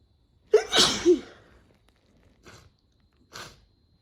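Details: Hay fever sneezing made worse after cutting the grass: a sharp in-breath and a forceful sneeze, then two short sniffs. Part of a compilation of two sneeze attacks.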